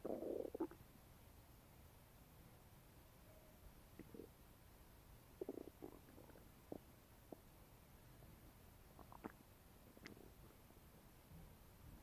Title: my stomach is making noises after eating a bagel